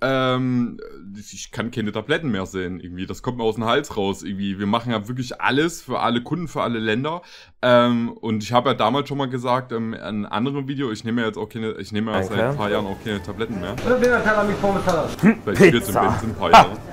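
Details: Adult male speaker; typical speech.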